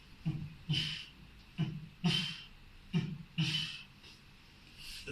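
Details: Vocal imitation of an aortic regurgitation murmur at the second aortic area: heart sounds with a soft blowing, fading murmur after the second sound.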